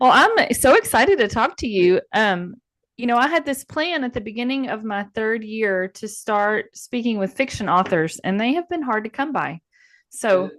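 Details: Adult woman speaking; normal speech.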